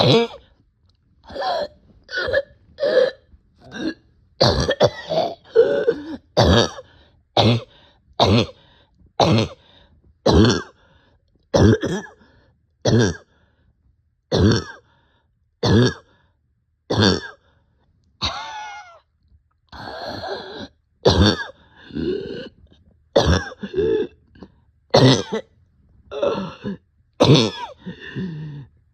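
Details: Person short of breath gives repeated harsh barking coughs in a steady series, with brief breathy sounds between some bursts: barking cough.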